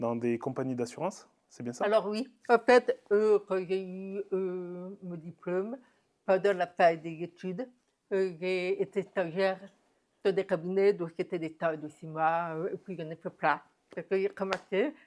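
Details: Adult woman, deaf since diagnosis at 9 months, who never heard her own voice and learned to speak through about 20 years of speech therapy, lip-reading and later sign language; deaf speech.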